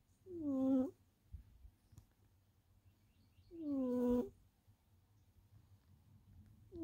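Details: Snoring in a sleeping tuxedo cat: regular tonal, squeaky snores about every three to four seconds, roughly 18 a minute, with faint birdsong in the background.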